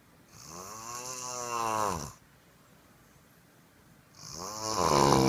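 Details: Loud, drawn-out voiced snores rising in pitch, about two seconds each, separated by a quiet pause: snoring.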